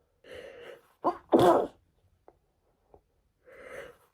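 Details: Female on the second day after catching a cold, unable to stop sneezing: a drawn-in breath, a catching gasp and one forceful sneeze, then sniffs and a sigh; sneezing.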